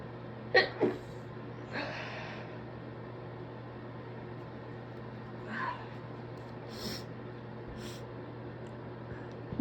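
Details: Person sick with a suspected stress cold, sniffly and congested, inducing muffled sneezes: a few short, stifled sneezes with sniffs and quick breaths between, over a steady low hum.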